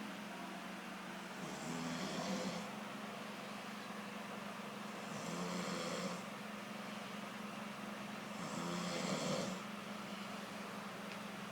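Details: Snoring: three rough, rattling inhaled snores, about 17 breaths a minute, over a steady low hum.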